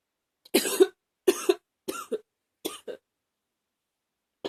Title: # 19 Cold... sniffling and coughing a bit